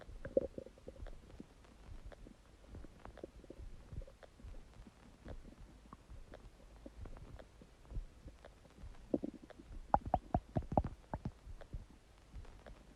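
Quiet, irregular gurgles and bubbling pops from the belly, louder near the end; ordinary bowel sounds of gas and fluid moving.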